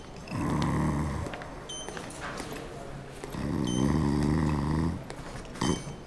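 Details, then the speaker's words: Sleeping adult man who always snores, with reported episodes of choking and stopping breathing; doctor suspects apnea. Two loud, low, rattling snores on breathing in, with quieter breaths out between them. "¿Tiene mucho tiempo dormido? Pues ya tiene ratito que dormir. Está roncando. Siempre ronca así."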